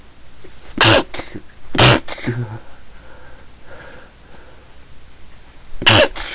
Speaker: Oh, fuck, I'm gonna sneeze